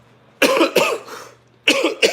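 Four abrupt, harsh cough bursts from an adult, in two close pairs separated by a short pause, with a faint steady room hum beneath.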